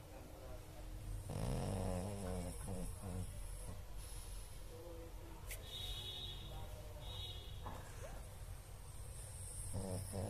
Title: Pug snoring